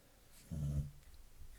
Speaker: so you you hear my doggy she's snoring